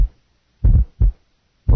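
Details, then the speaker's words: Simulated low-frequency, rumbling heart murmur with dull heart sounds, heard best with the stethoscope bell held lightly. "low frequency heard best with the bell lightly held now this is the mood"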